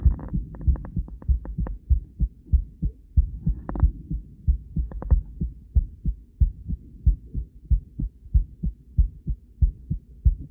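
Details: Female heart on ultrasound view with Doppler sound: regular whooshing, thudding heartbeat at about 94 beats a minute, with scratchy noise at the start; normal heartbeat.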